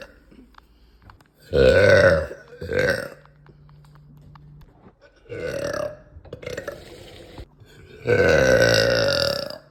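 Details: Woman with uncontrollable burps after eating: four loud belches, irregularly spaced over about ten seconds, with a steady low hum behind; repeated belching.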